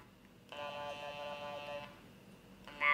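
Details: Electrolarynx speech from a French-speaking user of a Labex Comfort electrolarynx: a steady, flat mechanical buzz with barely shaped words, as when the device is poorly placed.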